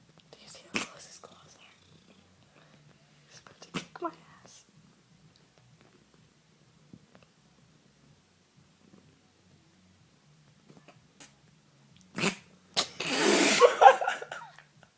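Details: Male cat coughing: a few short, dry hacking bursts, then a longer raspy, wheezy hack, with nothing brought up; he never coughs up a hairball.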